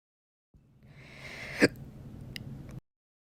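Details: Single sharp, abrupt hiccup over quiet room noise; one of slow hiccups occurring after meals, audio only.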